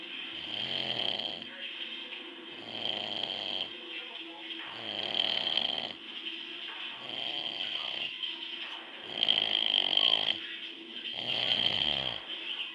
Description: i could make a whole move with my dad snoring lol